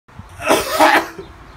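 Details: Single harsh, breathy adult cough under a second in a quiet room; cough.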